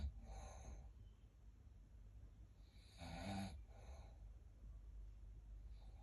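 Rough, rattling snores in the breathing cycle, with quiet pauses between them, over low background hum; ordinary snoring.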